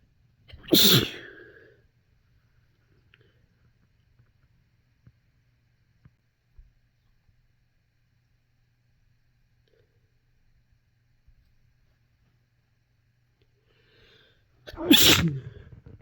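Two sharp sneezes separated by a long quiet stretch; ordinary sneezes.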